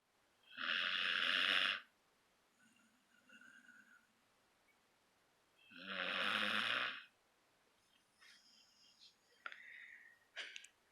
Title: Life's so hard - snoring Gus puppy 😊